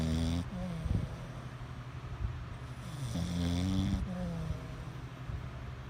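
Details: Woman snoring: low, rough fluttering snore sounds on breathing in, repeated with each breath.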